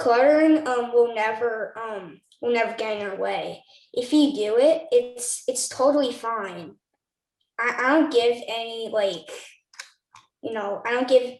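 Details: 9-year-old boy who clutters and describes cluttering as talking too fast; finding: cluttering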